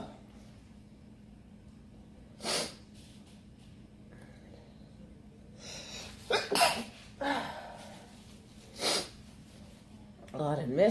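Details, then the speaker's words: Woman's sneezing fit after inhaling red pepper while eating: several forceful sneezes with gasping breaths between them over a steady room hum. "Ooh, all that pepper got me. The pepper got me."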